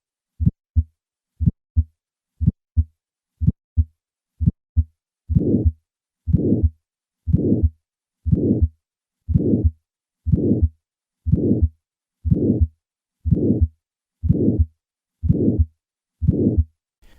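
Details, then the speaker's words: Regular heartbeat about 60 a minute, then a loud harsh diamond-shaped murmur swelling and fading between heart sounds: aortic stenosis murmur, which may be audible at the cardiac apex with a higher pitch (Gallavardin phenomenon). "the murmur of aortic stenosis will on occasion be audible at the cardiac apex with a change in pitch the gallivardian phenomenon despite this increase in pitch this murmur retains its characteristic diamond shape"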